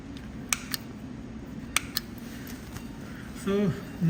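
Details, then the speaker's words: Surgical skin stapler firing, paired sharp metallic clicks repeated twice, with operating-room hum and brief speech, during skin closure after removing a lateral locking plate 8–9 months after a bimalleolar ankle fracture, for pain. "Our sister is very expert. She always likes the stepper to save the timing closing with the stepper."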